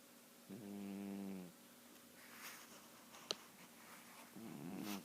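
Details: A small sleeping pet snoring: one clear, tonal snore followed by a second, rougher one; snoring.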